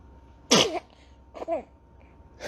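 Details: Baby sneezing: a sharp, high-pitched infant sneeze followed by a smaller second sneeze; ordinary baby sneezing.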